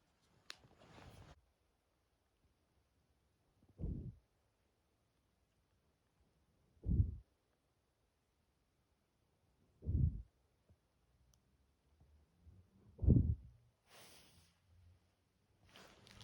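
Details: Heavy breathing in a 13-year-old senior dog with a heart murmur: deep, forceful breaths about 20 a minute in a quiet room.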